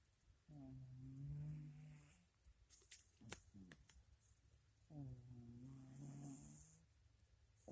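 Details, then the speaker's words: Two low, rumbling snores on the in-breath with a quiet pause between, from a tired cat sleeping in a noisy neighborhood after a chaotic time; snoring. "My friend, you're snoring, mister. Anybody? You're snoring."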